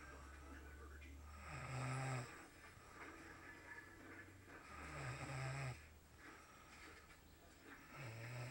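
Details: Adult woman (girlfriend) asleep, unaware of recording: low rattling snores on each breath in, about 17 a minute, with steady room hum; snoring.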